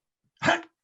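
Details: Adult man with Tourette syndrome: a single short, sharp bark-like vocalization, an involuntary simple vocal tic, demonstrated live.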